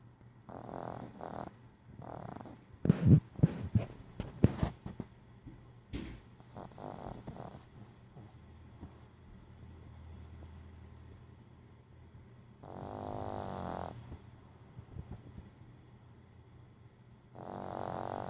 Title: Murphy snoring